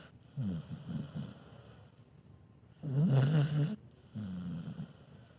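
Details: Dog snoring while asleep, mild snores.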